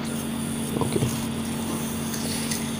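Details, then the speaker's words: Suction catheter, used in a tracheostomy to a depth of 8–12 cm, is flushed with saline from a 500 ml supply under vacuum: steady suction-pump hum with brief wet gurgles. "Okay guys, 8 से 12 centimetre आप डाल सकते हैं अंदर ट्रकियोस्मी में suction catheter को, और wash करने के लिए 500 ml का यूज़ कर रहा हूँ मैं।"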